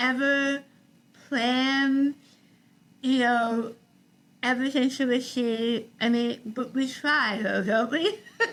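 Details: Adult woman with articulation disorder after partial glossectomy for stage 4 tongue cancer: over half the tongue removed and rebuilt with a forearm graft, plus neck dissection and six weeks of radiation and chemotherapy; some listeners cannot understand her.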